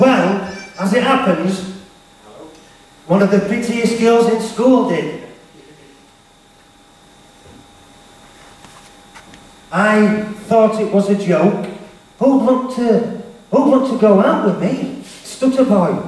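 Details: Male motivational speaker with a self-described stutter, speaking live to teenagers at a school; stuttering.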